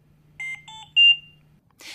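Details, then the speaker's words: Philips Trilogy 100 portable ventilator, medium priority alarm: three rising electronic beeps in a repeating pattern while the audio pause button flashes yellow; calls for prompt attention. "hear three beeps in a repeating pattern and the audio pause button flashes yellow medium priority alarms require prompt attention"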